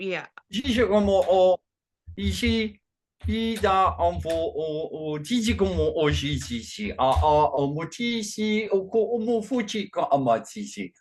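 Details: Functional neurological disorder in a man with foreign accent syndrome and gibberish speech during a bout; the accent changes between French, German, Slavic, Russian or Asian and sounds Chinese today; onset around 2019 with non-epileptic seizures; worse with strong emotion.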